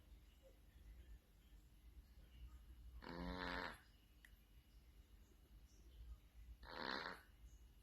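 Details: Cat snoring: two rattling, buzzy snores on the in-breath, about 17 breaths a minute, with quiet breathing between and low room hum behind.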